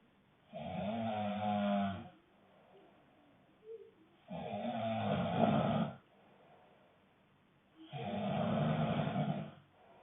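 Loud, rough snores on each breath in, about 17 a minute, with quiet pauses between.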